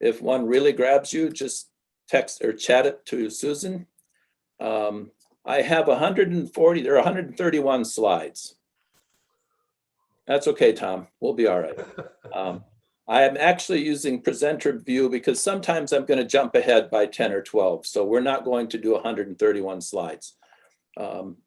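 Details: Adult male lecturer; typical speech.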